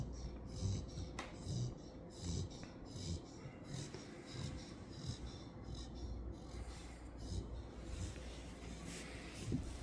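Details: A sleeping female puppy snores like an old man: soft, repeated, rough snorting breaths at about 35 a minute over a low room hum.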